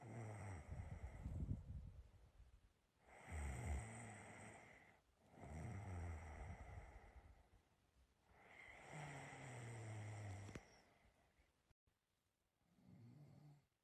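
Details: Self-recorded snoring of a person asleep: low, rattling snores on each breath in, about five, separated by quiet gaps.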